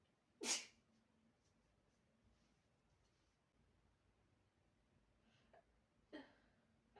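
One sharp, sudden sneeze, later a smaller second one, against quiet room hiss.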